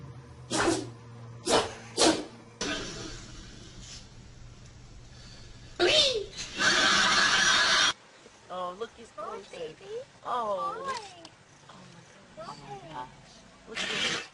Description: Funny people and animals sneezing!